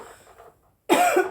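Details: Woman: quiet talk-level noise, a pause, then one sudden harsh cough burst after inhaling smoke.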